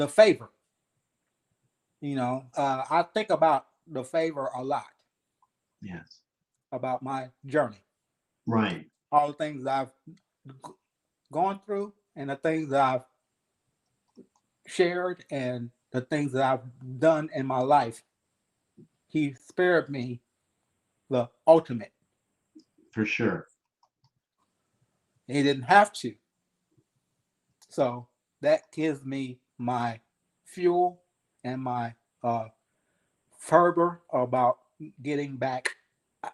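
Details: 52-year-old man, 3 years after an ischemic stroke, still working on his speech and thinking about every word, syllable and cadence; aphasia.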